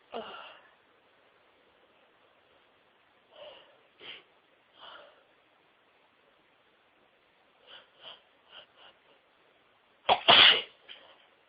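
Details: Repeated short nasal bursts and sniffs building to a loud sneeze near the end, part of an absolutely huge sneezing fit of over 60 sneezes with build-ups, a couple of stifles and wet nose blowing into tissues; nose all wet.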